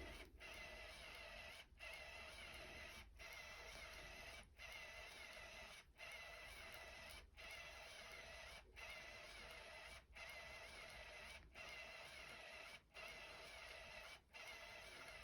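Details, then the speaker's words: Home infusion CADD Solis VIP pump priming its tubing onto a paper towel to clear a large air bubble: quiet, regular mechanical whirring with brief pauses about every 1.4 seconds. "Then I got kind of a big bubble. So I'm just going to let this prime out on my paper towel."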